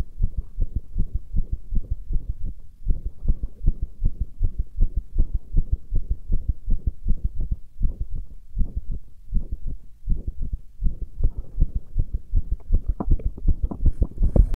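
Fast, steady low thuds about 158 a minute, each a quick pair of beats, with a faint hum behind; a rapid heartbeat.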